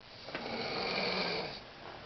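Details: Adult woman snoring nice and loud while asleep and dreaming: a single loud, harsh, buzzing breath sound fills the clip.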